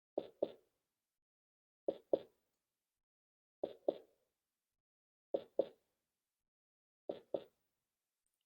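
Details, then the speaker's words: Simulated pulsatile tinnitus, a heartbeat heard in the ear: slow, regular paired thumps, about 34 a minute, in silence; linked to blood pressure. "este es un latido del corazón los pacientes que escuchan el corazón en el oído pum pum pum pum"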